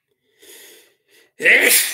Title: has a sneezing fit and trips over some wires